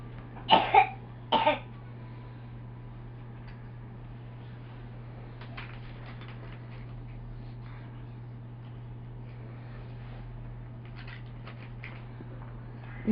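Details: A young boy during a coughing fit gives two short, sharp coughs close together, then quiet with a steady background hum.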